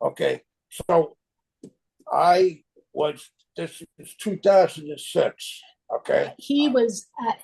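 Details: Aphasia from stroke in an adult male, 25 years after the stroke; chronic post-stroke aphasia.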